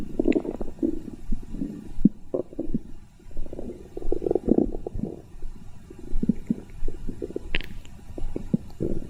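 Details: Low, gurgling rumbles and squelches in irregular waves, with brief high squeaks between them: ordinary stomach growling (borborygmi).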